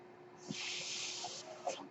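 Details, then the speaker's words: Podcast host's own mechanical ventilator heard while he speaks: rushing, hissy burst of airflow lasting about a second over a faint steady hum, the ventilator delivering a breath. "hello everyone my name is mark that noise you're curious by ventilator and welcome welcome back I should say to page-turners they were not my Star Wars plot"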